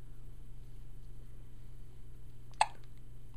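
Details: Hiccup: a single short, sharp hiccup against faint room noise.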